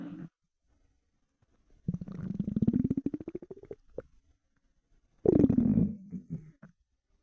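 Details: Gurgling, rising growling rumbles from an empty stomach after about 4 hours without food: hunger borborygmi (bowel sounds).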